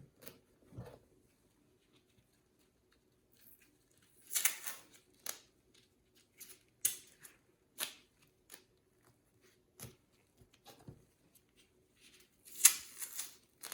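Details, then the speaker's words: Medical tape torn and pressed down, several short sharp rips in a quiet room, as a nurse secures a wound dressing with about three strips per side during a wound-care skills validation; date, time and initials are written on the tape. "but again I'm just going to go ahead and tape this in place try to use about three on each side secure"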